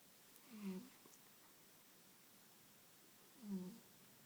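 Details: Barnaby the cat sleeping: two soft, squeaky snores about 3 seconds apart in a quiet room, light snoring.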